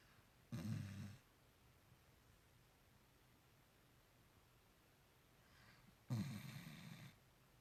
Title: Shepherd Cur Dog Snoring